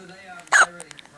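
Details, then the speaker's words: A single sudden, sharp, jerky catch of breath in a quiet room, recorded in the morning: a baby's hiccup, filmed while recording the effects of mother's milk on the baby. "what's wrong what's that funny noise you're making what's that hiccups you're okay though aren't you jade"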